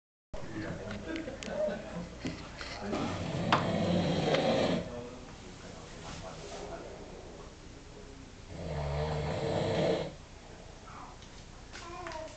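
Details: Two long, rough snoring breaths from a sleeping adult, with faint room noise, secretly recorded after the person denied snoring. Ordinary snoring.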